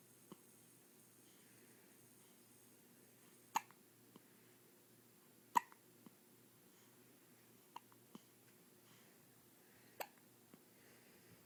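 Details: Hiccups: sharp, abrupt hiccup sounds every few seconds at an uneven pace, against quiet room noise.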